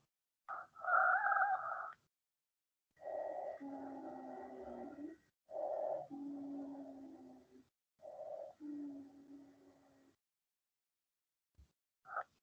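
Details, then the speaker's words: Pulmonology practical: repeated breaths, about four in ten seconds, each with musical whistling tones, longest and clearest on expiration as the airway tends to collapse; wheezes. "entonces los inmigrantes la mayoría va en mayor frecuencia van a estar al momento de la expiración es decir cuando sale el aire porque por desde cuando yo estoy sacando el aire la vía respiratoria tiende al colapso entonces ahí es donde más se va a notar no hay es como un silbido"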